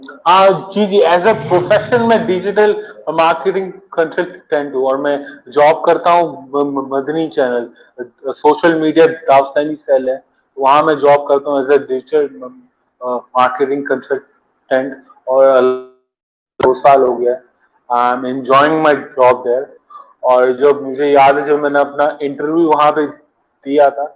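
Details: Adult man who stammers; stuttering.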